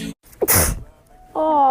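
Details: A quick breath in, then one loud, explosive sneeze followed by a brief voiced sound; sneeze.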